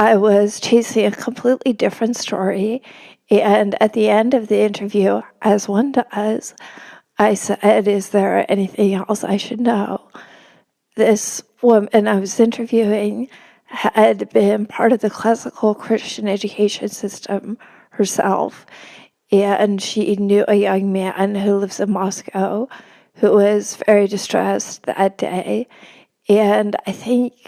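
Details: Woman with spasmodic dysphonia, which the host says makes her sound nervous though she is not, speaking as a podcast guest; spasmodic dysphonia.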